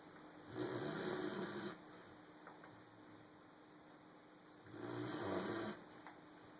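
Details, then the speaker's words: Sleeping German Shepherd puppy, a frequent snorer: two drawn-out, buzzing snores about four seconds apart with quiet breathing between; snoring. "Jax. What are you doing? You snoring?"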